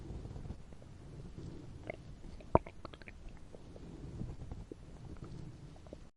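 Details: Fictional animated scene: the character Bumblebee's upset fuel tank gurgles while he lies in a field. Low gurgling and bubbling close to the belly, with faint clicks and one sharp knock; stomach rumbling.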